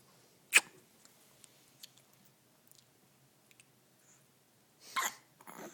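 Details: Two brief, sharp hiccups from an infant about four seconds apart in a quiet room, faint clicks between; infant hiccups.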